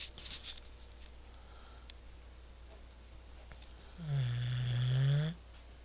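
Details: Sleeping dog Rocco: one low, buzzing snore lasting over a second near the end, after quiet breathing and room hum; ordinary snoring.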